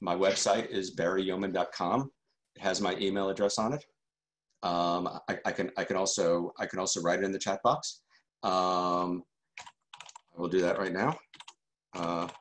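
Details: Adult man who stutters, a member of the stuttering community for decades: stuttering.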